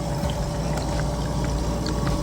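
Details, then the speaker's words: Oxygen concentrator humidifier bottle overfilled above the maximum line at a high litre flow: steady loud bubbling and gurgling as water rises to the top of the bottle and starts down the tubing toward the water trap. "the water starts bubbling into your machine what it does is after so long the water is popping up in the top of the bottle it starts to go down your line"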